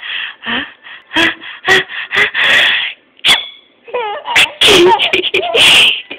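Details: Series of loud, forced sneeze-like bursts with voiced build-ups and gasps: imitated, fake sneezes.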